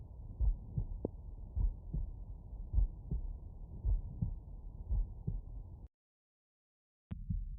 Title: Heartbeat auscultation stethoscope heart sounds mitral valve laying right side